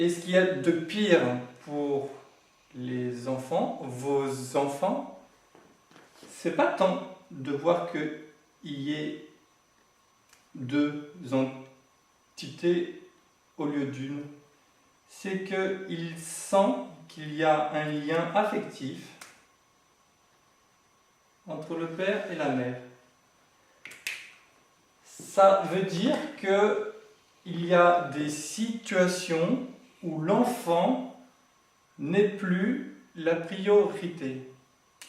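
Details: Adult male who has lived with stuttering for 20 to 40 years since growing up and says he is now managing to speak through it; stuttering.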